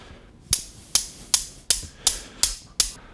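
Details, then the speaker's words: Bilateral femoral derotational osteotomy surgery: seven sharp, evenly spaced metallic taps, about 160 per minute, as a mallet drives the intramedullary rod across the osteotomy site and impacts it into the femoral canal. "Okay, so now we're going to drive the medullary rod across the osteotomy site, and then we're going to tap that down into the canal and impact it into place."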